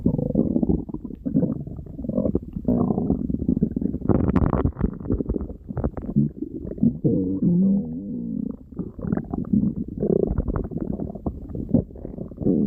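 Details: Tiger's loud stomach growling: continuous low rumbling and gurgling with shifting pitch. These are borborygmi, ordinary gut movement.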